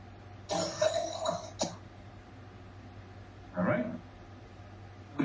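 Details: A run of harsh coughs and a later cough from an adult with whooping cough (pertussis).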